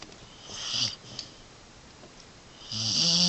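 Two airy, rasping breath sounds with a soft rattling tone on the second, heard over a quiet room. Snoring.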